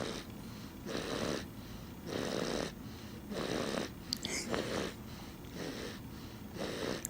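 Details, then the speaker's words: Young child snoring loudly while asleep: loud, rough, rattling breaths about every second and a half, roughly 40 to 50 a minute, over steady room noise; snoring. "i think so pretty loud too it's not daddy oh it's not daddy i'm awake yeah cause daddy's awake and normally daddy snores but what i mean but this is pretty loud"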